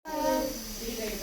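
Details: Nebulizer running for a sick child in hospital with cough, fever and viral infection, helping him sleep comfortably: steady hissing airflow with a faint whine.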